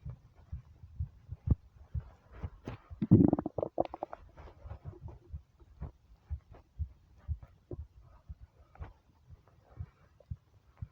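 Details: Hunger stomach rumbles when starving: soft repeated abdominal clicks with a louder gurgling rumble; normal bowel sounds (borborygmi).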